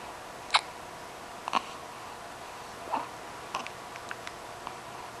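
Soft, brief clicking hiccups about once a second in a quiet room, irregularly spaced; repeated diaphragm spasms.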